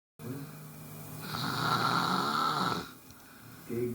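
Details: Brother snoring during sleep: a long, rough, droning snore on the in-breath, followed by a quieter breath; snoring.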